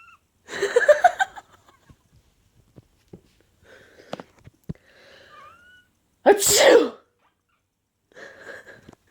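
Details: Deliberately faked sneezes (not real): a loud sneeze, a pet cat meowing in response, then a second explosive sneeze and a brief meow.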